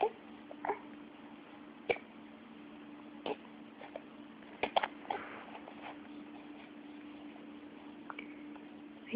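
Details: Short, sharp catching sounds from an infant boy, about six or seven in nine seconds at irregular spacing, over a steady background hum: infant hiccups.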